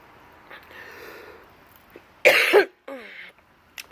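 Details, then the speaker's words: Adult drinking coffee, burping and then choking, has a coughing fit: a harsh explosive cough burst followed by strained throat-clearing. "so after I had a whole [ __ ] coughing Finn excuse me everybody whoo"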